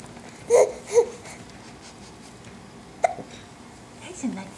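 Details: A baby girl laughing and babbling with hiccups: short, abrupt hiccup sounds mixed with giggles; ordinary infant hiccups.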